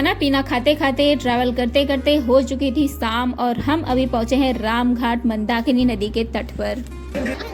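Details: Adult woman speaking Hindi; Normal voice.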